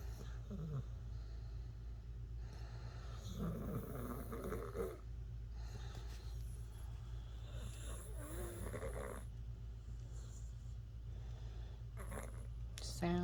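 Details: Sleeping dog: repeated low, fluttering snoring breaths about every two to three seconds over a steady low hum.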